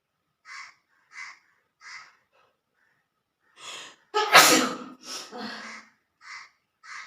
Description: sneezing challenge/sneezing with long green grass , handcarchif and spayci cooking challenge video